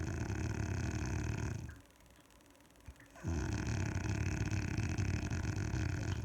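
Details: Adult woman asleep at night snoring: loud, rattling, low snores that break into near silence for about a second and a half, then resume just as loudly.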